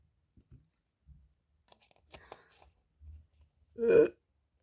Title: Morning burps !! :3